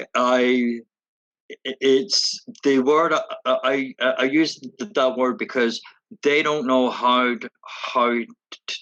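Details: Stuttering in a woman who stutters, with sound repetitions and part-word repetitions.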